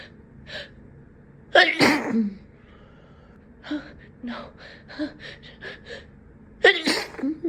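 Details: Adult sneezing: two forceful sneezes with sharp inward gasps, separated by quiet whispered apologetic murmuring; says they cannot stop sneezing.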